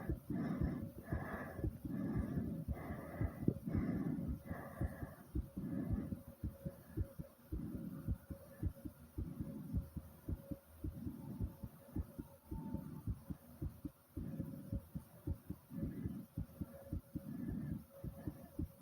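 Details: Fast heartbeat and heavy breathing after doing squats to near exhaustion: rapid, regular heart thumps under loud, heavy breathing at roughly 36 breaths a minute; tachycardia after exercise.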